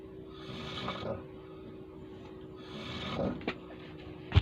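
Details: Adult man (a father) snoring while asleep: two slow, rough snoring breaths on inspiration in a quiet room.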